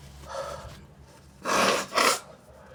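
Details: Person during a bad sinusitis attack, sore itchy nose, sneezing into a hand, sneezes induced with tissue paper, feeling dizzy: quiet intake of breath, then a loud sneeze and a weaker second one.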